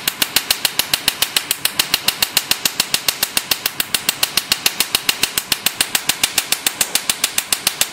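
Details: Rapid, very regular sharp snapping clicks, about 140 per minute, from a Q-switched tattoo-removal laser handpiece of a multifunction IPL/RF beauty machine being test-fired; Q-switched laser firing.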